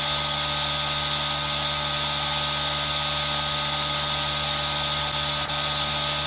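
Steady buzzing hum with a hiss and rain noise behind: an aerosol nebulizer running continuously.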